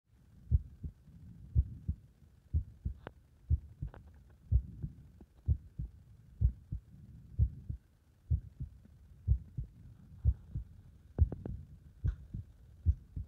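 Soft, steady paired heart sounds at about 60 to 65 beats a minute, with some rustle; heart sounds recorded under exercise load.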